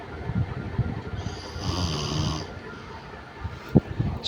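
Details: Snoring from a sleeping sister during a daytime nap, recorded in a darkened room with the light left off, with music in the background.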